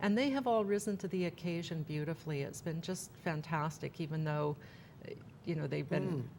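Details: Adult woman; typical speech.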